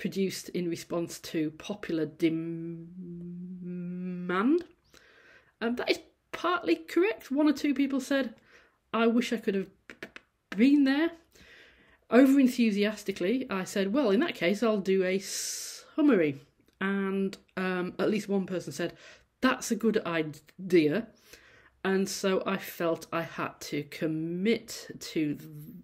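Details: Adult female university lecturer who stammers, giving a presentation, with sound repetitions and prolongations; stammering (stuttering).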